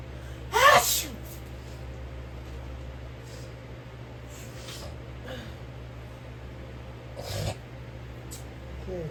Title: SNEEZING ON MY BOYFRIEND WITH MY SICK SELF 🤢🤢🤮